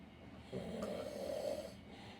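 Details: Snoring: a single low, rumbling snore lasting about a second, heard faintly over quiet room noise.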